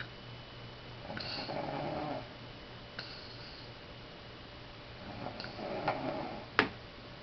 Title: snoring